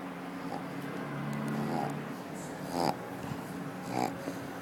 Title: Akilla Pug Snoring at the Office